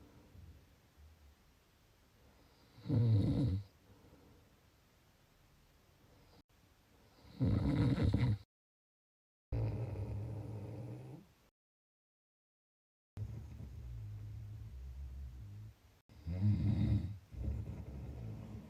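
Low, rough snoring, about five snores with quiet breathing between them, with short gaps where the recording cuts out.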